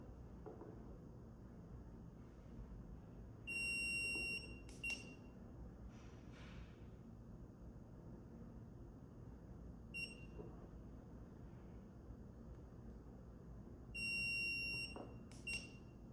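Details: Dental curing light during orthodontic indirect bracket bonding, sweeping around with cures ending from the occlusal side: short, high beeps at intervals over steady room noise.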